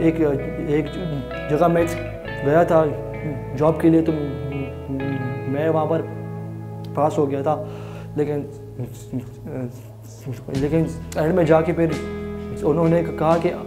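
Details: Adult man with stuttering (stammering) present since childhood.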